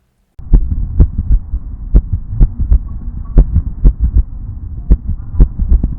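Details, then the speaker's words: Ventricular trigeminy in a bulldog with Boxer (arrhythmogenic) cardiomyopathy, recorded at a clinic exam: irregular rhythm without murmur, two normal beats then an early, softer premature beat and short pause, repeating. "Ainda, ao avaliar a regularidade dos batimentos, é possível detectar claramente um padrão arrítmico, em que uma sequência de 2 batimentos normais é quebrada por um batimento prematuro."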